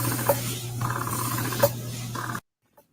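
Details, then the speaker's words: Breast pump running in the background of a live stream: low steady hum with soft, rhythmic hissing suction cycles. "JK stuff breast pumping that's what the breast pump sounds"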